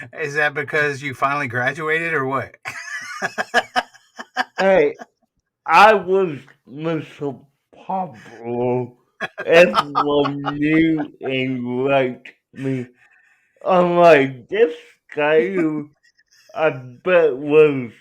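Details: Adult male with cerebral palsy; dysarthria inferred from his speech, not explicitly diagnosed.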